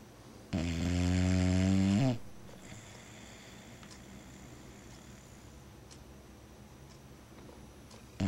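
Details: Pet named BeeBee napping, snuggled warm on a cold November morning: a single loud, buzzy, rumbling snore lasting about a second and a half, then quiet room sound; snoring during sleep.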